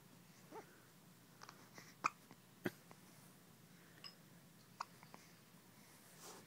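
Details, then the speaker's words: Newborn baby girl's hiccups: several brief, abrupt catching sounds at irregular intervals in a quiet room. "Baby hiccups. Oh, goodness. Oh. Oh, yeah. Hiccups on one end and then poops on the other."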